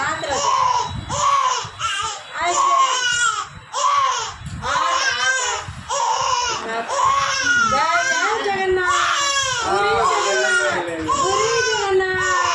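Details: Two-month-old baby girl crying in pain during ear piercing: continuous, intense crying with rhythmic wails and screams, quieter adult soothing voices and chanting beneath.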